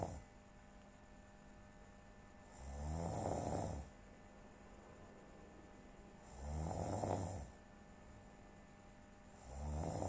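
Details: Regular rattling snores on each breath in, about 15 breaths a minute, over a steady background hum; snoring.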